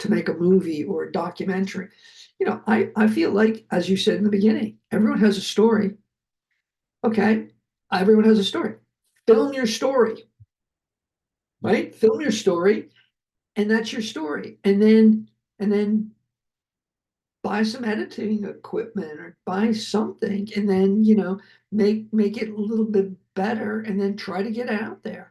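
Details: Adult male, heart attack and aphasia survivor, speech with repetitions and word-finding difficulty: aphasia.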